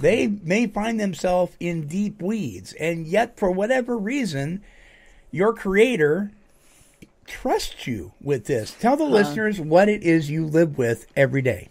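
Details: Adult speaker; typical speech.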